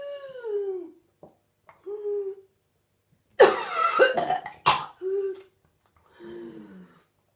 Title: 32 year old woman week 5 whooping cough